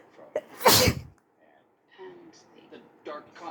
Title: More sneezes while watching a show, with a few little coughs too.